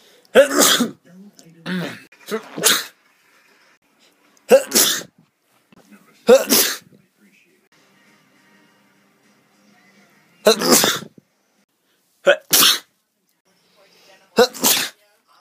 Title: me Sneezing Compilation